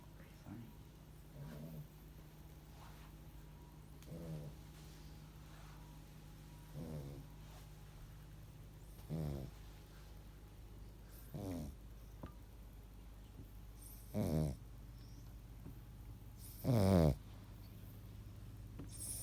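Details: Soft, rattling snores that grow gradually louder, about every two to three seconds (roughly 23 a minute), over a steady background hum: ordinary snoring.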